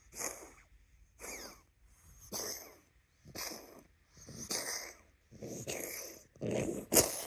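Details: Dog having a reverse sneezing episode (owner called it reverse coughing), recorded 9-23-25: a run of harsh, snorting honks about once a second.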